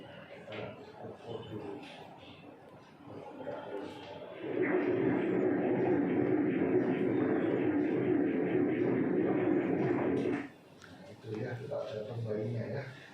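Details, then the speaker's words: Second-trimester fetal heartbeat on obstetric ultrasound: fast, rhythmic whooshing pulses measured at 139 beats per minute, within the stated 120–150 normal range; fetal head size matches gestational age, plenty of amniotic fluid, placenta high. "Kita ukur aja detaknya. 139 kali per menit ya. Bagus sekali ya, ya. Normalnya antara 120 sampai 150."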